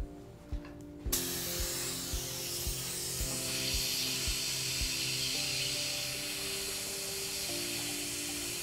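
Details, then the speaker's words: Steady high-pitched rotary hiss with faint music from a Sof-Lex polishing disc shaping anatomy on a freshly cured Class III composite restoration on tooth 7. "all right so now that we have that um layer built on we'll just start with the polishing thank you and i like these soft flex discs so i'm going to just start getting some of that anatomy"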